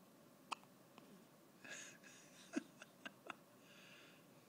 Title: has the hiccups